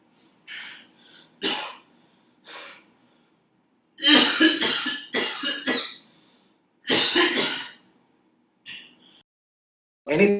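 Series of harsh coughs and throat clearing, several bursts grouped closely together, in a quiet room.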